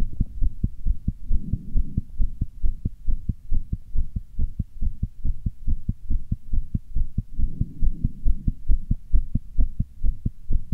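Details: Person's own fast heartbeat (tachycardia): rapid, regular, deep heart thumps at roughly 120 a minute over a low hum; valves heard opening and closing quickly.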